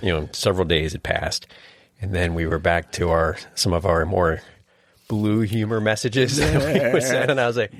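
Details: Adult male speaker; normal speech.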